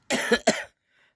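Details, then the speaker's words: Adult coughing during an acute illness of about a week, with fever and cold; two harsh, forceful coughs in quick succession, then quiet; cough. "सहै खोकी जरो"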